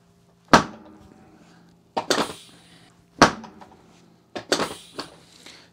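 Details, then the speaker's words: Chiropractic Thompson drop table adjustment of the lower back in a male jazz musician with spinal stenosis: sharp paired mechanical clunks as the table section pops up and drops down. "this technique is called Thompson technique where the table pops up you that's that noise you just hear there table popping up and then popping down and it's a gentle technique and very effective for lower back and neck pain"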